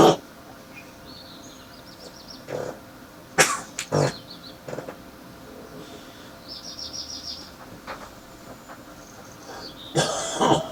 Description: Man with a heavy morning smokers cough with spitting